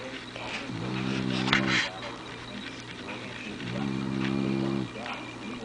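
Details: A sleeping dog snoring with its eyes open: two drawn-out, buzzing, low-pitched inspiratory snores about three seconds apart.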